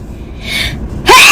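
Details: A single sneeze: a rising breath in, then a sudden loud, hissing burst.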